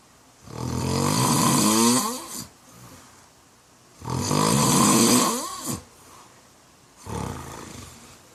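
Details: Middle-aged man snoring in a room: loud, rattling snores with a harsh, fluttering roar, three in eight seconds with quiet gaps, about 18 a minute.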